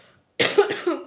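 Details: Short run of two or three quick, moist-sounding coughs; cough.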